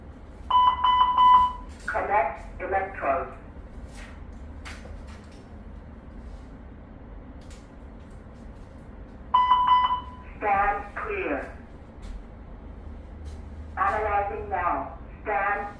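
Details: LIFEPAK 500 automated external defibrillator demonstration: a steady alert tone followed by recorded spoken instructions, repeated twice, over room hum.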